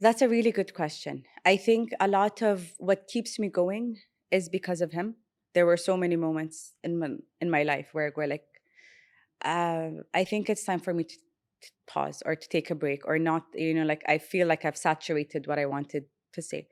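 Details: Emirati adult woman speaking English who has stuttered since childhood, aware of it by age 12, stutters much less in English than Arabic; stuttering.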